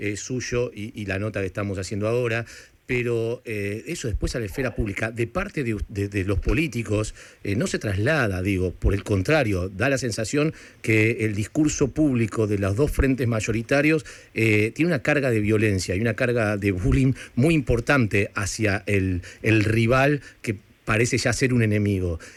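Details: Adult male speaker, radio interview; typical speech.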